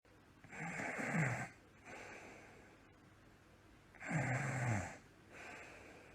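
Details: Simulated cartoon snoring: rhythmic rattling snores on each in-breath with quieter out-breaths, imitated by a character (Endless Number 70) made to snore like Numberblock 99 on the Waterloo & City line.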